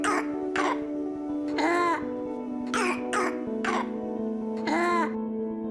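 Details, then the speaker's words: Repeated harsh coughs with a high, tonal, wheezy edge over background music, described as a strong distinctive cough with difficulty breathing; croupy / wheezing cough. "بيكون صوت الكحة فيها مميز قوي، بيكون معاه صعوبة في التنفس وبنسمع زي كروبينج أو ويزنج كاف زي الصوت ده."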